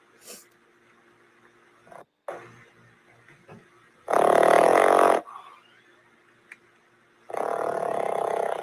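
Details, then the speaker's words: Snoring from a sleeping flat-faced (brachycephalic) dog; these dogs snore loads, which can indicate a breathing problem rather than being funny. "So you can hear him snoring, yeah? So these dogs snore loads."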